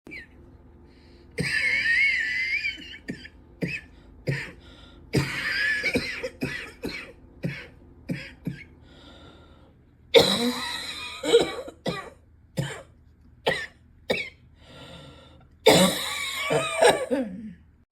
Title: #80 - still here. still wheezy. still coughing.